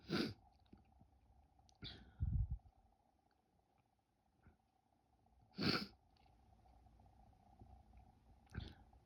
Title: I’m back and sneezing!